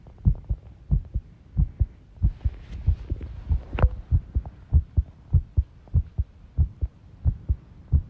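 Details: Heart sounds recorded while tidying a room, arrhythmia noted: low thudding beats around 95 a minute with uneven spacing, some background clatter; irregular heartbeat.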